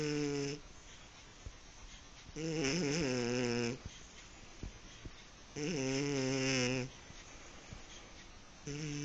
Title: my snoring kitten :)